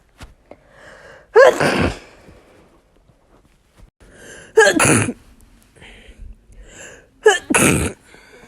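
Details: Three loud sneezes, each after a quick gasping in-breath, spaced several seconds apart; ordinary sneezes.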